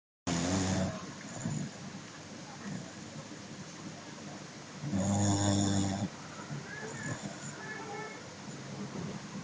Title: Funny snoring dog ( Un caine ce sforaie ) :))